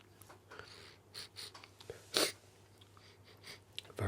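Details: Adult with a cold in an ASMR recording: soft breathing and small mouth noises in a quiet room, then a single sharp, explosive sneeze.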